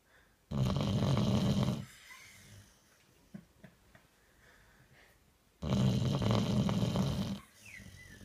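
Two loud, low, rasping snores about five seconds apart, with quiet breathing and small snuffles between: a sleeping dog snoring.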